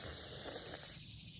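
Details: Demonstration of a lateral lisp on /s/, a speech sound disorder with articulation deficits seen in children: the tongue's sides are not braced against the upper molars, so air escapes laterally, giving a wet, slushy /s/ instead of a crisp one.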